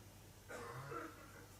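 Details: A single muffled cough from an adult man in another room, over low room hum; a persistent cough attributed to his heart condition, with heart medication not yet properly adjusted.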